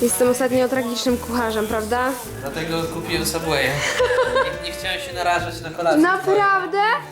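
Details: Adult male speaker; Normal voice.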